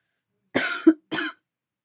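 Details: Adult woman coughing while vaping after taking deep puffs: two harsh, dry cough bursts in quick succession; irritant cough.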